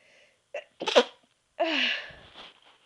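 A deliberately made, stifled sneeze: a quick gasp, then a muffled burst trailing into a breathy release.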